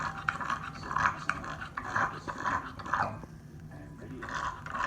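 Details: Harsh, snorting, raspy panting about one breath a second in a bulldog tired out after a walk; noisy breathing after exertion.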